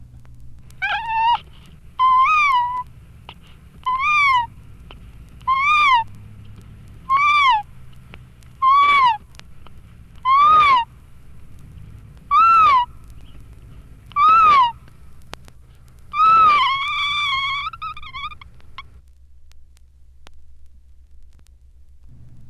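About ten brief, thin, high-pitched rising-and-falling cries at regular intervals, a seagull-like cry in trisomy 18 (Edwards syndrome).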